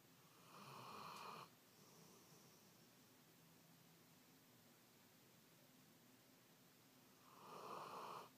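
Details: Sleeper lying on a pillow in bed snoring: two loud rasping snores separated by a quiet pause of several seconds; ordinary snoring.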